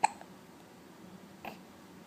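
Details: One-month-old (Month 1) baby with head up, two abrupt brief hiccups about one and a half seconds apart against quiet room noise; hiccups.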